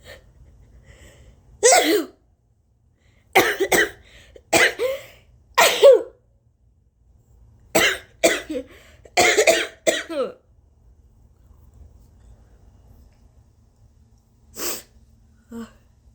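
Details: Repeated harsh coughs in short clusters, about nine bursts with pauses, in a quiet room, from someone with several days of allergies, heavy congestion, a scratchy sore throat, uncontrollable coughing and near loss of voice for about 4 days.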